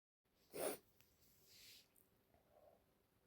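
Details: Person lying in bed feeling unwell, possibly getting a cold: one abrupt, forceful sneeze burst, then a soft breath out in a quiet room: sneeze.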